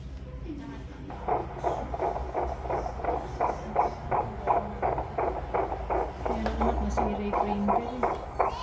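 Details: Fetal heartbeat on Doppler ultrasound at a 5-month pregnancy checkup: fast, regular whooshing pulses at about 150 beats per minute over a low hum; baby head-down, actively moving, reported normal.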